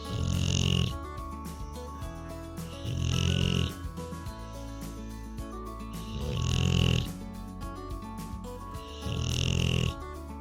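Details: Rottweiler relaxing on a couch, snoring continuously in sleep: four loud, low, rumbling snores about three seconds apart, over background music.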